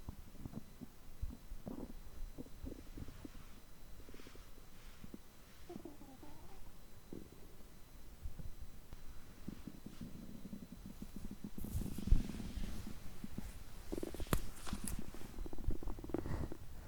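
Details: Stomach growling recorded after overeating, lasting over 3 hours on such days: soft low rumbles and gurgles over faint room hiss, busier near the end; ordinary digestive sounds.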